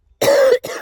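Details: Two harsh adult cough bursts, the first long and strongly voiced, the second shorter, from a Pacific Crest Trail hiker reporting chest pain, rapid weight loss and poor recovery: cough.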